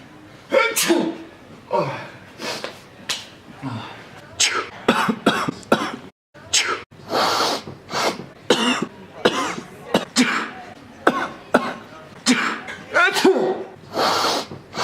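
Repeated short explosive coughs, about twenty bursts in quick succession, with a few throat-clearing or sneeze-like sounds mixed in. Coughing fit.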